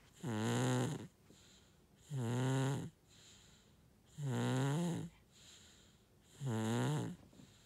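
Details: Four loud, even, buzzing snores on each breath in, with soft exhalations between, about 30 breaths a minute; snoring.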